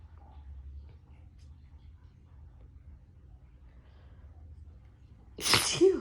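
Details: Sneeze on a couch: a quiet room, then one sudden loud sneeze near the end.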